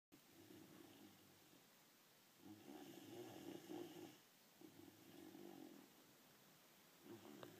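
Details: Dog snoring with rhythmic rattling breaths and a louder buzzing stretch in the middle, in a quiet room.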